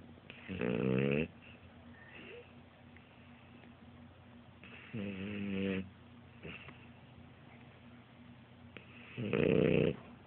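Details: Sleeping French Bulldog (Frenchie) napping: three loud, rattling snores about every four seconds, roughly 15 breaths a minute, with quiet between them; snoring.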